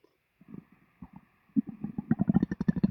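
Sparse gurgles building into a fast run of low, bubbling pulses: loud stomach growling after a meal.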